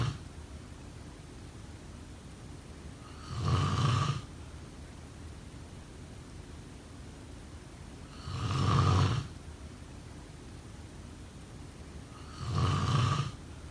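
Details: Snoring during sleep: three deep, rough, low rattling snores on breathing in, about 12 a minute, with quiet gaps between.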